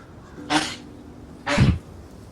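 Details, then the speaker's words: Possibly a simulated sound effect during a tabletop role-playing game session, described as a dog (female) with kennel cough: two short, harsh, hacking bursts about a second apart. "what is that sound oh my dog has kennel cough so poor jewels she's losing it right now"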